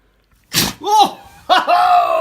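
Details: A single sharp, explosive nasal burst from a dog playing fetch and tug-of-war, followed by a person's brief vocal reactions: a harmless play sneeze.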